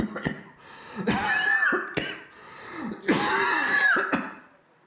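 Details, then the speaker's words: Demonstration of a wheezy cough: repeated harsh coughs with a whistling wheeze between them. This kind of wheeze can occur in asthma, COPD, chronic smokers or bronchitis after a prolonged cold. "And so, what you heard there, that wheezing, okay, and wheezing can occur in asthmatics, it can occur in people with COPD, chronic smokers,"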